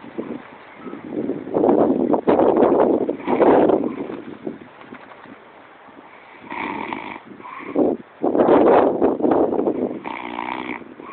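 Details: Loud, rough snoring bursts with rattling breaths through nose and throat, varying in strength over several breaths; snoring.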